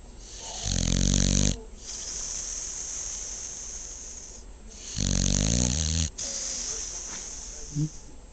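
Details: Female dog snoring: two loud, rattling snores about four seconds apart with a soft hiss between them.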